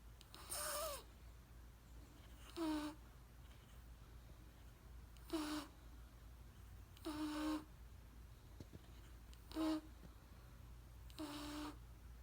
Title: Baby snoring 😴